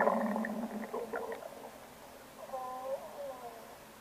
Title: stomach growling